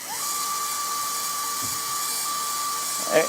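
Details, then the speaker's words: Atherectomy device running during a live endovascular case: a steady high-pitched whine holding its pitch over room hiss, spinning easily with little RPM drop. "sounds like it's going very easy out here in the RPM drop"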